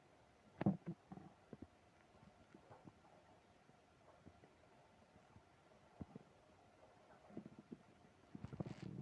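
Faint, scattered gurgles and low rumbles in a quiet room, ordinary stomach growling from gas and fluid moving through the gut.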